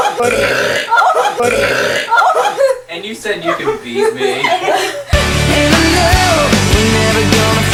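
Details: Several loud, rough, deliberate burps in quick succession during a burping contest, then loud rock music takes over.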